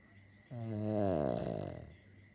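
A single long, buzzing, rumbling breath of a sleeping dog, heard as snoring, in a quiet room.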